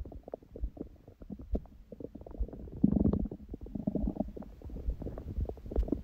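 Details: Bowel sounds from the belly after a large meal eaten after fasting (water only since the previous evening) and after abdominal exercise; frequent gurgles, pops and low rumbles of active normal digestion, with music in the background.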